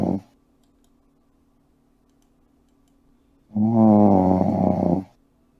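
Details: Man snoring while asleep: a single loud, buzzing snore after several seconds of quiet, with the tail of another snore at the start; snoring.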